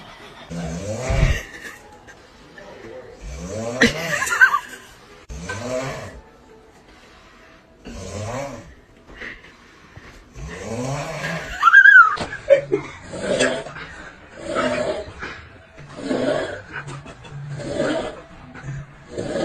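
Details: Repeated rough, rumbling snores with throaty vibration during sleep, some laughter-like sounds nearby; snoring.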